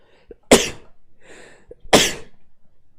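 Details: Person sneezing: two forceful sneezes, each preceded by a short sharp intake of breath, in a quiet room.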